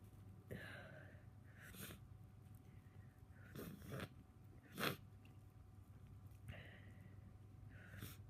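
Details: Person with a tickly cold, getting sneezier; a series of about six sharp, breathy sneezes over a steady low hum; repeated sneezing.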